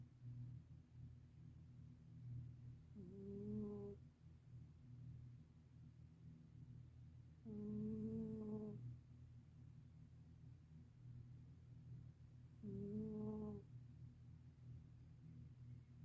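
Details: Senior black cat sleeping and snoring: three slow, tonal, humming snores about every five seconds over steady low room noise; cat snoring.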